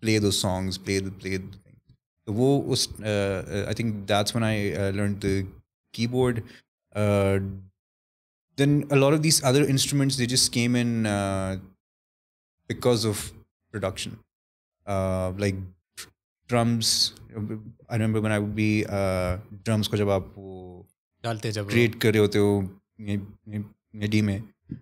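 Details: Adult male with stuttering since about age 3–5 that went away and returned in his early 20s, with blocks he masks using word substitution, deep breaths and language switching; stuttering.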